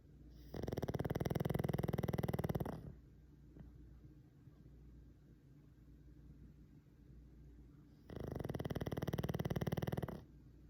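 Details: Sleeping dog snoring: two long, loud, buzzing snores separated by quiet breathing; ordinary snoring.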